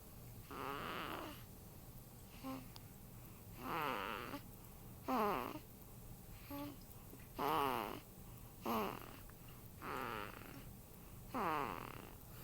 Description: At 8 days old I found that my son snores.